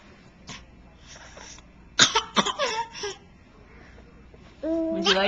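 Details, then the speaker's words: Bad cough during breakfast, recorded on a Flip Video camcorder: quiet room, then a burst of several harsh coughs in quick succession, followed by speech calling it a nasty cough; cough. "oh that's a bad cop growth oh goodness that's so bad okay oh that's a nasty cop"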